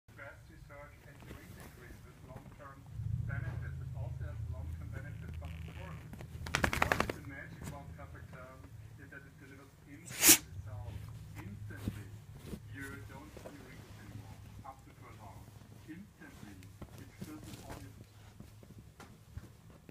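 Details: Quiet room sounds broken by two sharp, explosive bursts, the second louder and more abrupt; sneezing.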